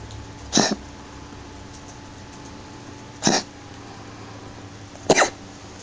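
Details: Cat Lexi coughing: three short, dry, harsh coughs spaced a couple of seconds apart in a quiet room.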